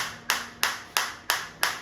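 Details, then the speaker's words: Focused (not radial) shockwave therapy device for chronic pain rehabilitation, water-loaded with no bubbles and set to 5, just started and fired against the operator's hand: sharp, evenly spaced cracking pulses about three per second. "अब मैं इसको operate करूंगा। तो जैसे ही मैं इस पर click करूंगा आप देख सकते हैं मैंने क्लिक किया ये स्टार्ट हो गया।"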